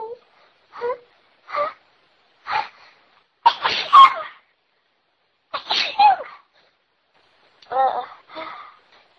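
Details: Repeated sneezing: a run of about eight short explosive sneezes in quick succession, some preceded by a brief in-breath.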